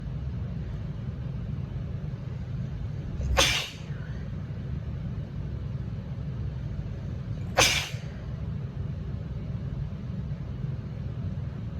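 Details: Self-induced sneezes from tickling a sensitive nose, in a person with congestion and allergies: two sharp, explosive sneezes about four seconds apart over a steady low rumbling background.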